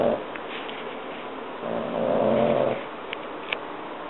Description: Our 3 1/2 month old French Bulldog snoring her head off.